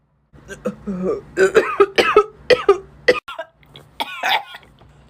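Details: Compilation of a dry cough: a run of short, harsh throat-clearing coughs and voiced grunts over a low steady hum, ending in a louder cough.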